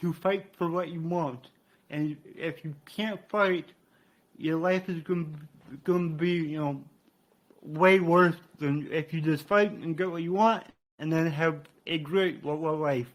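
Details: Adult man with cerebral palsy, which he attributes to brain damage after being born without heartbeat or breathing and being revived; he describes a resulting speech impediment; dysarthria (cerebral palsy).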